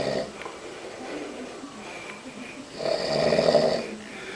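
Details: Adult man snoring: rough, rattling breath noise with a louder snore on one breath; snoring.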